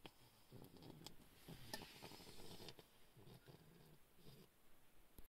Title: Snoring bulldog puppy